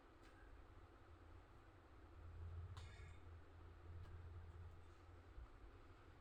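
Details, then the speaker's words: Nebulizer compressor running while an adult asthma patient (mother) receives a Foracort dose, taking about 5–10 minutes: steady low mechanical hum and rumble with faint room clicks. "Hello বন্ধুরা দেখো আমি আমার মাকে এখন nebuliser দেব।"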